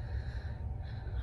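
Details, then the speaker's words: Woman snoring while asleep in a couchette on a train journey from Ankara to Kayseri. "arada horlama sesini duyacaksınız O sesler doğallığın en zirvesini yaşatacak size"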